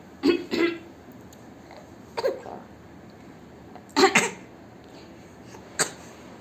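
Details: 3-month-old baby imitating grandma's cough: short, soft cough-like bursts, playful imitation rather than illness.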